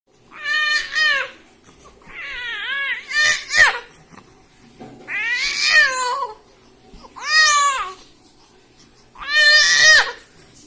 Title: New born baby calling speaking sound language